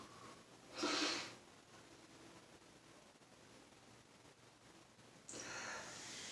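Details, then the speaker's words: Two loud, forceful sneeze bursts separated by quiet room noise, from a person in a bathroom during an afternoon sneezing fit lasting about three minutes, with 20 or more sneezes, leaving them dizzy; sneezing. "we're about three minutes of sneezing oh so loud and powerful gosh should just fade away now after 20 sneezes or probably more than that"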